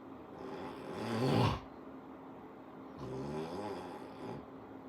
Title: Told him he snores